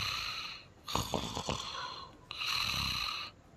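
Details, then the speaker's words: Man's loud snoring at 2 a.m. while asleep, mistaken by his partner for a donkey braying; comedic relationship sketch. "नहीं नहीं, सॉरी, आपके खराटों की आवाज़ थी, मैं समझी खोता है कोई।"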